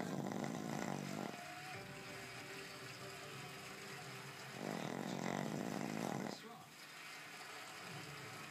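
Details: Sleeping pug snoring: two long, rough, rattling snores from a small flat-faced dog, with faint room noise between.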